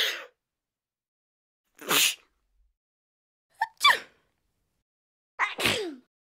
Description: Sneezing Sounds Free sounds for download